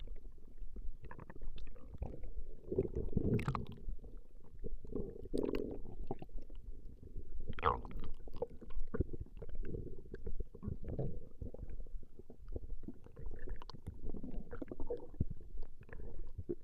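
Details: Recording of a woman's stomach growling: low, irregular rumbling and gurgling from the belly as gas and fluid move through the gut; normal bowel sounds (borborygmi).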